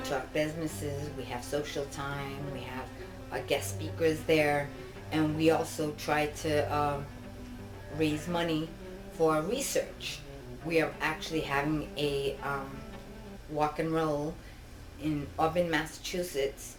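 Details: Adult woman with genetic ataxia (Machado-Joseph disease, as in her father), diagnosed in 2000 and disabled since 2013, which impairs her balance, eye movement and speech and causes double vision; ataxic dysarthria.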